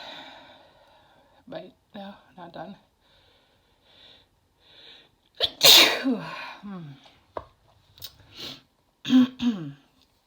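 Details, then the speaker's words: Female sneezing fit induced by chhinkni sneezing powder: a sudden loud sneeze amid talking and sniffing, then a smaller second sneeze. "Oh, I have to sneeze again. Jeez. I have to sneeze."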